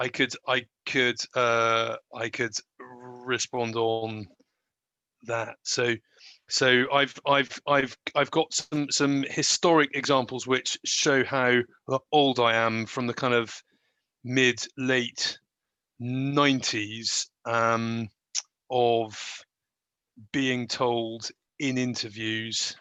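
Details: Stuttering in an adult woman who describes herself as a person who stammers.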